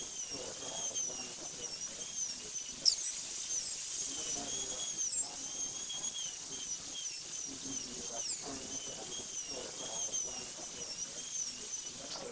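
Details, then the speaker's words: Continuous high-pitched whine with brief pitch dips as a football-shaped diamond bur reduces the lingual surface of a maxillary incisor by 2 mm for a PFM crown; high-speed dental drill. "using the football-shaped Dimond reduce the rest of the lingual surface by two millimeters to follow the contour of the tooth"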